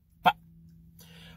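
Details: Non-speech vocalization from an adult male with Tourette syndrome: vocal tic (Tourette syndrome).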